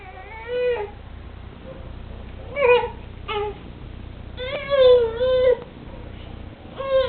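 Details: An infant during tummy time gives short, fussy crying bursts with a brief cough-like sound over a low room hum; infant crying with cough.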